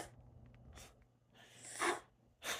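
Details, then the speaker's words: A dog makes repeated sharp snorting, sneeze-like bursts of breath; owner thinks he is having an asthma attack: snorting, sneeze-like breathing episode. "Donnie's having an asthma attack, I think. I'm not sure if you can hear him."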